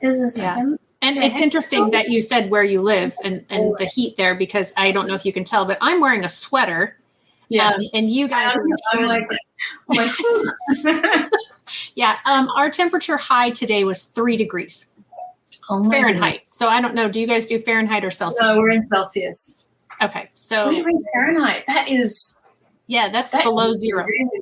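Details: Adult woman speaking in conversation, with a brief second voice; ordinary speech.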